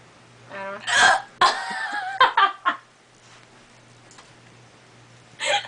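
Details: Adult with their baby, hiccupping with several short abrupt voiced gulps in quick succession, a pause, then one more; says the hiccups give them a stomach ache. Hiccups.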